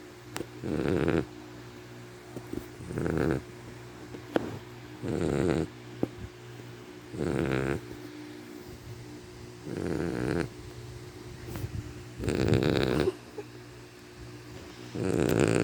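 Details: Sleeping puppy snoring: rattling snores with each breath, about 26 a minute, over a steady background hum.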